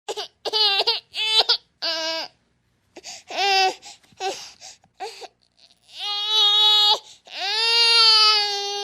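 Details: Infant crying sound effect: several short choppy cry bursts, then two long, loud wailing cries.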